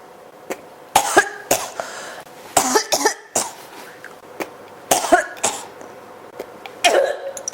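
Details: Persistent, non-stop cough that has not stopped.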